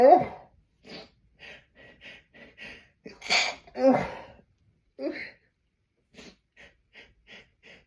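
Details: Repeated held-back sneezes, nose pinched to stifle them until the subject felt dizzy: rhythmic catching breaths build to two forceful explosive sneezes, then short gasping breaths as another builds; sneeze.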